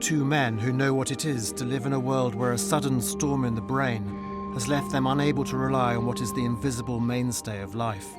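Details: Adult male narrator; normal speech.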